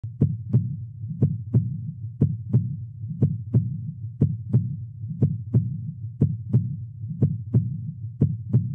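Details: Normal heart sounds at 60 bpm: regular paired lub-dub S1 and S2, with a labeled parasternal long axis echocardiogram view; S1 is mitral valve closure at the start of systole, S2 is aortic valve closure at the start of diastole.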